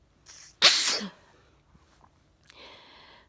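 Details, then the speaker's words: Adult sneezing at bedtime, tired, after feeling the sneeze coming on all day: a quick indrawn breath, then one loud explosive sneeze and a soft sniff afterward. "that sneeze has been coming on all day i felt the sneeze coming on all day and i was waiting at my camera already"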